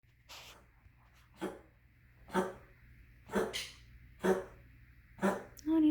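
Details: A female cat with a cough for a week, about twice a day in fits, gives a run of about six short, harsh, loud coughs roughly a second apart.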